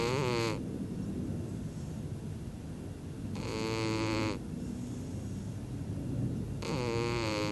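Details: A sleeping cat snores again in regular, slightly whistling rasps, about 18 a minute, over a steady background hum.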